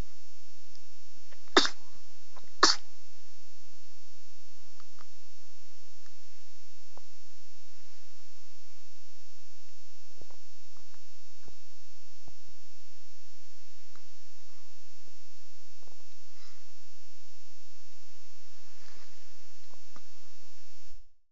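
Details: Tess, aged 3 days: two short, sharp sneezes about a second apart over steady background hum, then quiet; sneezing.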